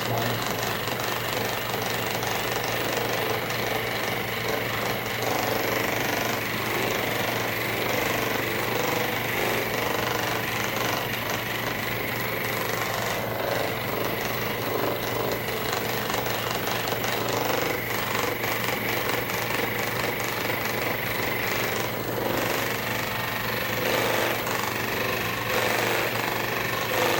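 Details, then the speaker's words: Percussive massage gun used to relax tight muscles of a wheelchair-using adult with cerebral palsy before chiropractic adjustment: buzzing percussion sound with applause-like background. "all right we're gonna start with the massage gun first just relax everything as much as we can"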